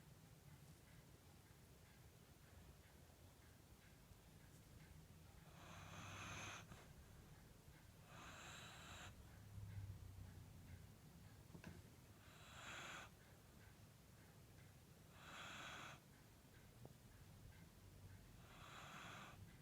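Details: Quiet snoring from a sleeping Corgi dog that seems to be dreaming: soft, noisy breaths about every three seconds, roughly 20 a minute, over a low steady room hum.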